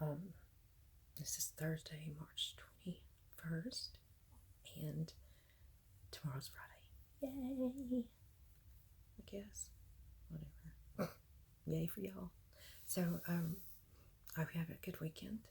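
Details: Adult woman with myasthenia gravis, ill for at least six years, diagnosed May 2018, worsening despite medication; voice raspy when tired, raspy and weak throughout; clip near end of recording; breathy, weak dysphonia in myasthenia gravis.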